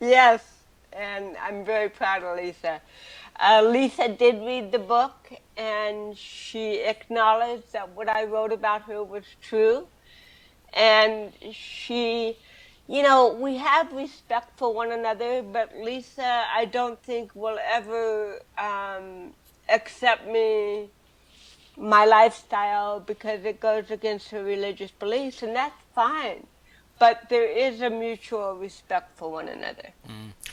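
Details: Adult woman with cerebral palsy since birth, speaking in an interview; dysarthria due to cerebral palsy.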